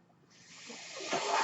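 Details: Speaker's own mechanical ventilator heard during a podcast recording: a rising airy hiss building over about a second, the steady rush of a delivered breath.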